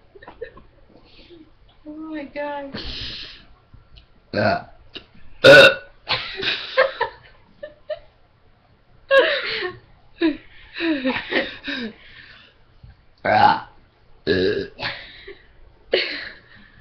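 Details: Burp contest among several people: a string of loud, drawn-out voiced burps from multiple people, with brief talk and laughter between them.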